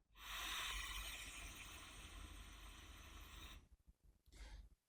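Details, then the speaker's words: ResMed AirMini portable CPAP running its mask-fit leak check: steady rushing airflow hiss for a few seconds, then it stops. "ต่อไปนะเรามาดูตรงคำว่าFMFMมีอะไรอ่าFMก็คือนี่แหละดูว่ามันรั่วไม่รั่วนะ"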